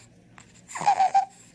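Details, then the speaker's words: Child in respiratory distress with a high-pitched inspiratory sound at rest from inflammation of tissue above the vocal cords; inspiratory stridor. "that sound is caused by inflammation of the tissue above the vocal cords that causes a really high pitched sound when the patient inspires okay an inspiratory strider at rest is something you should really take seriously"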